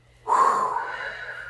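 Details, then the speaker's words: Handihaler dry powder inhaler use by an adult female patient (COPD education): after exhaling away from the device, a single quick, deep, forceful inhalation through it. "So you're going to exhale away, you're going to take a big, deep, sharp breath; hold it for 10 seconds, and then exhale."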